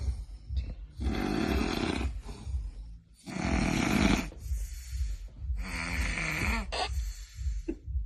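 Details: Snoring.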